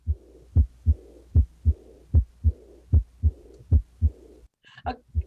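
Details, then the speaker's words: Teaching case: regular heartbeat with a soft blowing murmur starting after the second sound (the dub); diastolic murmur from pulmonary regurgitation. "diastolic yeah so that's a that's a diastolic murmur so then we can go to the next question so you can hear the murmur starts at the dub right love dub"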